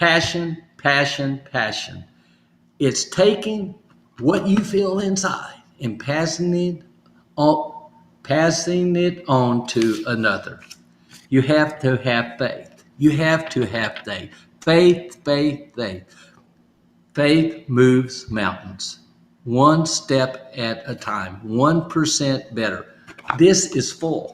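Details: Adult man speaking; aphasia.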